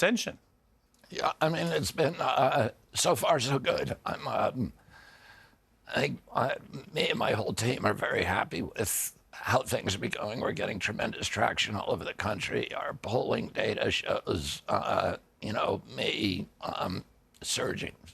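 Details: Adult man with a neurological disorder he calls spasmodic dystonia, caused by an injury in 1996 at age 42. Signals make his vocal cords tighten constantly; it is not a tissue injury. Kyoto surgery about eight months earlier improved reliability; now doing alternative therapies. Spasmodic dysphonia.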